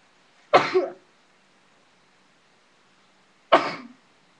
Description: sneezing..used sneezing powder.. sneezed so hard my back hurts.